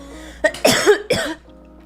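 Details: Girl coughing just after taking her first bong hit of the night (smoking): a short run of about three sharp, throaty coughs with a voiced, clearing quality, then quiet.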